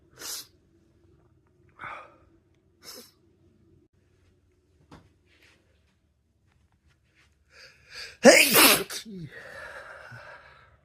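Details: Man's natural random sneeze, not ill and not allergy season, recorded on a watch: several faint breathy sounds, then one loud explosive sneeze with brief trailing exhale; sneeze.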